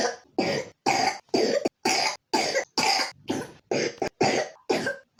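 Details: 3-year-old child with pneumonia: ten short, breathy, rapid coughs in a steady run, about two a second; repetitive wet-sounding pneumonia cough.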